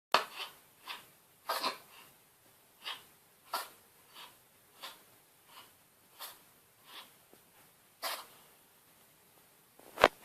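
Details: Animal sneezing, from a compilation: repeated short, sharp nasal bursts about every half second to a second in a quiet room.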